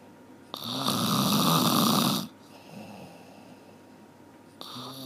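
One loud, harsh snore of under two seconds, a quiet stretch, then the next snore begins. Ordinary loud snoring.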